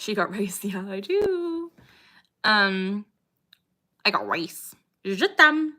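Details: Young woman with Tourette syndrome, with motor tics (shoulder shrugging, eye tics) and loud vocal tics, including a recurring "I got rice" tic interrupting speech; takes pimozide and guanfacine: vocal tic.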